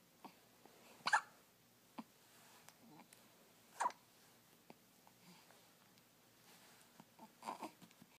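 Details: Newborn with hiccups: quiet, sharp, brief catches repeat irregularly, some louder than others, over soft room noise. Hiccups.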